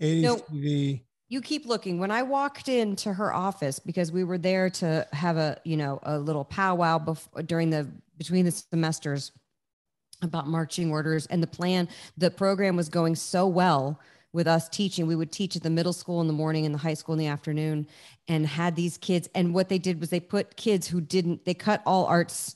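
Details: Adult speaker; normal speech.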